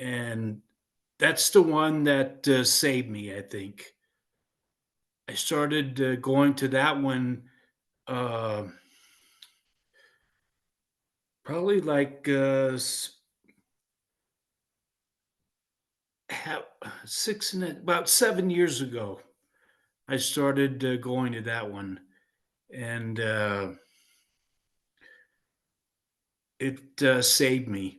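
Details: Aphasia in a 56-year-old man following a stroke in 2016, who sings in a neurological choir, with hesitations, fillers and repetitions.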